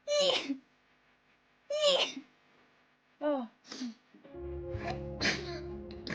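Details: Compilation of girls on live streams sneezing rapidly: several quick, sharp sneezes in a row, then background music starts; sneezing.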